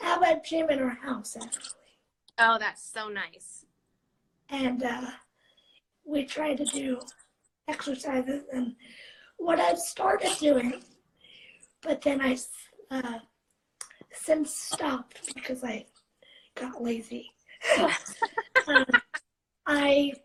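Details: 17-year-old living with cerebral palsy, speaking spontaneously in a live interview; dysarthria (cerebral palsy).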